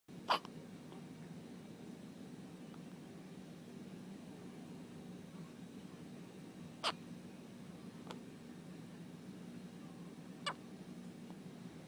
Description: My baby had the hiccups.